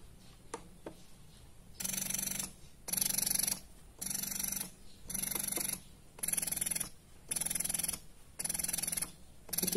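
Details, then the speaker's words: Spectra S1 Plus hospital-grade electric breast pump (called S2 in speech) running, with rhythmic whirring motor bursts about once a second and brief pauses; fairly quiet in use, with vacuum suction adjustable from level 1 to 5. "dia suaranya enggak terlalu berisik sebenarnya kalau saat digunakan"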